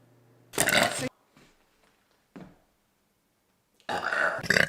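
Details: Burping compilation from a woman who says she has really bad digestion: two loud, rough belches separated by quiet, with faint breathy sounds between.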